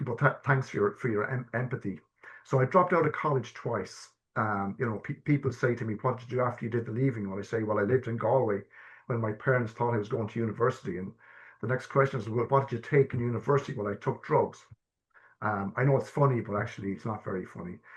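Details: Stammering (stuttering) in an adult man who has stammered since childhood. Early repetitions turned into severe blocks at age 12, with secondary behaviours such as 'um', restarting, avoiding eye contact, coughing and filler words. Stammer-affirming therapy is discussed.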